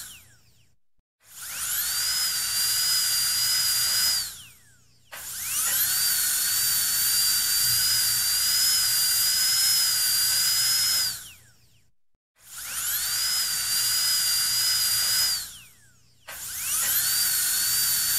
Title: Dentist Drill Start, Run and Stop 3 | Best Sound Effects Free